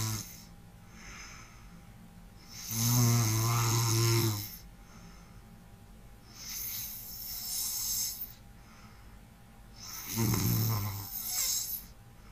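Three loud, rough snores on inhalation, separated by quieter breathing, in a quiet room.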